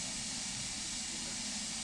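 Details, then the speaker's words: Needle EMG with the needle at the motor end plate: steady, high-pitched, frying-like crackle from the speaker, painful for the patient and vanishing when the needle moves; end-plate noise. "c'est ce qu'on appelle le bruit de plaque donc là l'origine c'est qu'on a l'aiguille qui est au niveau de la plaque motrice"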